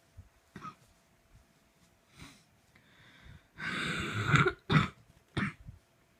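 Quiet rough throat sounds build into a burst of harsh, repeated coughs, about four strong coughs, in a coughing fit.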